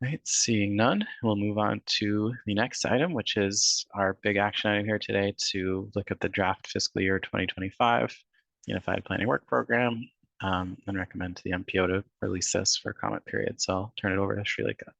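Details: Adult male speaker; ordinary speech.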